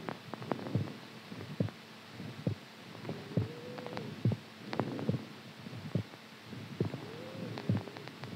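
Steady paired low thumps of a heartbeat, about 70 a minute, with a faint hum and gurgling in the background.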